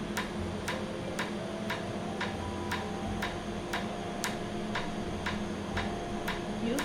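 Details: First laser tattoo removal session on numbed skin, with the red ink left for next time: sharp evenly spaced clicks about two per second over steady room hum; laser tattoo removal device firing.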